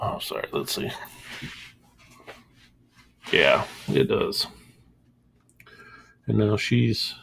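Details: Adult male with a mild stutter he says worsens under stress or when upset, angry or embarrassed; he says he has trained himself to avoid audible stuttering; stuttering.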